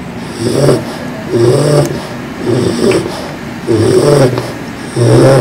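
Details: 4-month-old English Bulldog puppy asleep: loud, rough snoring, five rattling snorts on the breath in over about five seconds; noisy sleep breathing, snoring.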